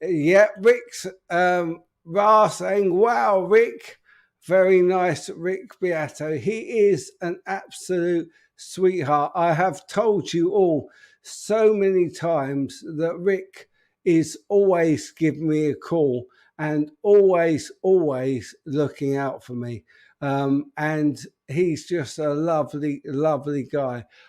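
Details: Adult man with an upper motor neuron disorder affecting speech, progressively more evident and currently worse; real, unacted live speech showing dysarthria (upper motor neuron type).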